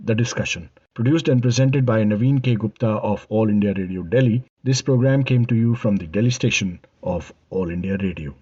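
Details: Adult male radio announcer; Normal fluent speech.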